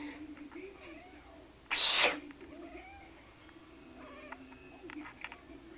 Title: Gideon - the cat who doesn't like sneezes #2